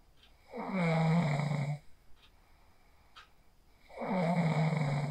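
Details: A sleeper snores after practicing the 4-7-8 breathing technique, recorded on a phone: two deep, rattling inspiratory snores separated by a quiet pause; ordinary snoring during sleep.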